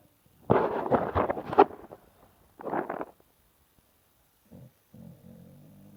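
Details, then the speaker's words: Sleeping female dog snores loudly and slowly, with rough, fluttering breathing noises in uneven bursts; she does not wake and seems to be dreaming: snoring. "actually start this video because I want you to hear how loud my dog is and slow. That is not me, that is the dog."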